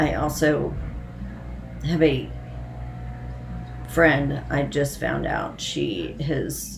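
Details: Hypokinetic dysarthria in an adult woman with Parkinson's disease and essential tremor, who says her voice is affected and she is tremoring as her medication wears off.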